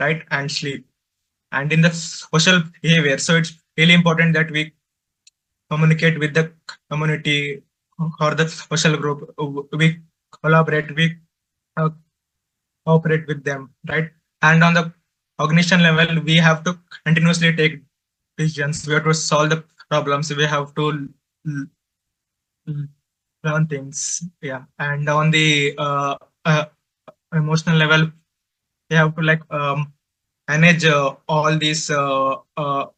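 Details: Man who stutters, presenting for a stammering association at a stuttering conference; he reports difficulty speaking, especially with different people; real stuttering.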